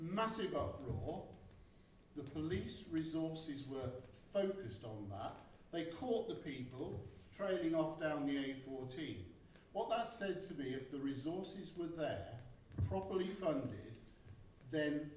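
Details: Adult man speaking; normal speech.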